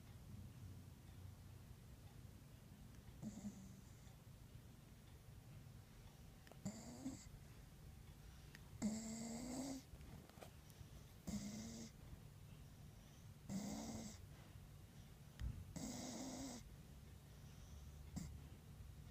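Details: Rescue dog dreaming and snoring: soft, regular snoring breaths, about 25 a minute, with slight whistling tones in a quiet room; gentle snoring during sleep.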